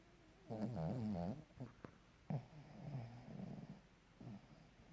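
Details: Sleeping dog snoring: a loud rattling snore on the in-breath, then softer snuffling breaths.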